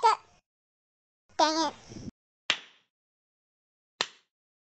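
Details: Simulated cartoon hiccups from the Talking Tom Cat 2 app: a cartoon cat voice makes short vocal bursts, then two sharp, abrupt hiccup-like clicks.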